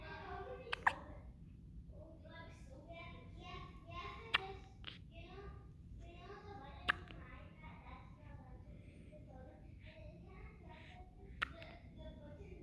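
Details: An infant cooing and babbling, interrupted by four sharp hiccups about every three to four seconds; persistent hiccups that won't stop.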